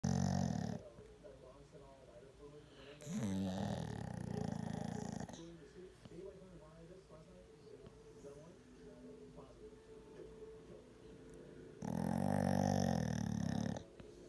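Loud, rough, rumbling snores with quieter breathing between them; snoring from a sleeping dog.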